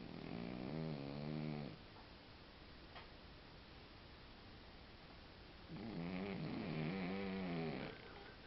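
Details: Two long, rumbling snores from a sleeping cat, separated by a quiet pause; ordinary feline snoring.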